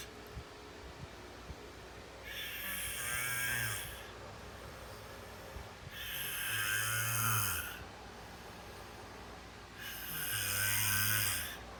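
Three rough, rattling snores on the inward breath, about 16 breaths a minute, with quiet pauses between them.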